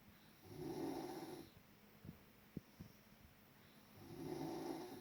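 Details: Loud rattling snores with quiet pauses and small snorts between them; snoring.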